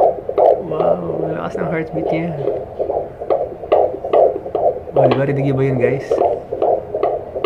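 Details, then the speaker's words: Fetal heartbeat on Doppler at 17 weeks of pregnancy, about 149 beats per minute: rapid, regular whooshing pulses with a low humming tone at times. "Oh that's a baby's heartbeat"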